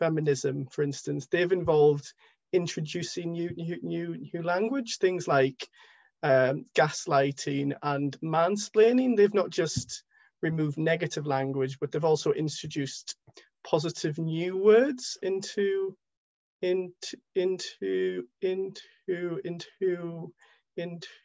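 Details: Stammering in an adult man who stammers, speaking on a panel with repeated words.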